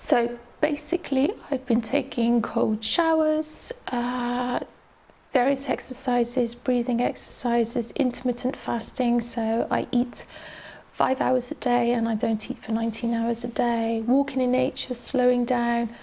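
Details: Adult woman with adductor-type spasmodic dysphonia, a neurological voice box disorder with muscle spasms during speech, diagnosed by an ENT specialist, treated with Botox; affects voice quality, pitch and loudness, quite shaky voice; adductor spasmodic dysphonia.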